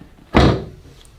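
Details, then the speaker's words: Chiropractic drop-table adjustment between the shoulder blades, patient breathing in: a single dull, low thud as the table section drops; chiropractic drop table thud. "good and there's many ways to adjust a red we can use that drop table we can do it we call osseously where you hear more of a pod"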